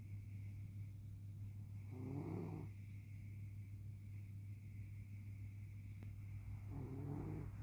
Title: Sound on Lexi snoring #funnyanimals